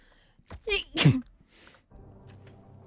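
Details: An adult female streamer sneezes in two quick bursts, the second stronger, then quiet room noise; an ordinary sneeze.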